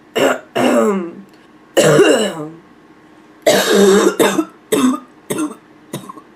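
About eight harsh, hoarse, voiced cough bursts in quick succession with a barking quality.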